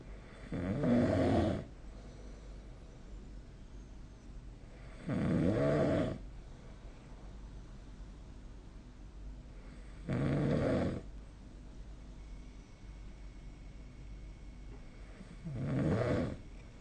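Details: Sleep snoring recorded with the SnoreLab snore app: four loud, rough snores about every five seconds, roughly 12 a minute, with quiet breathing between them.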